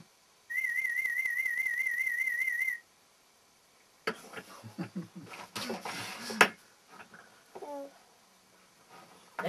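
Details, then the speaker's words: A steady warbling test tone lasts about two seconds, then stops, during headphone play audiometry of a young girl conditioned to put a toy by her ear on hearing beeps; a toy rattles, child and adult heard. "עכשיו אני מביאה לך משחק צפצופים. טוב? אני אביא לך משחק צפצופים."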